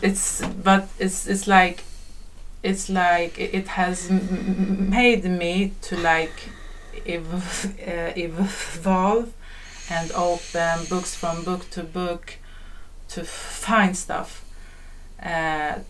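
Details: Stuttering in a male podcast guest who says he has a stutter, with word and part-word repetitions.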